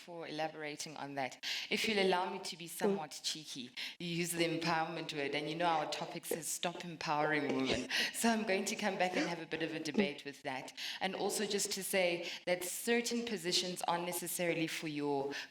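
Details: Adult woman speaking; Normal voice.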